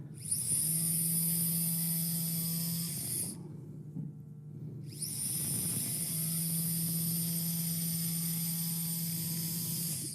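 Two runs of a steady high-pitched drill whine with a low motor hum and a short pause between, a diamond drill cutting bone.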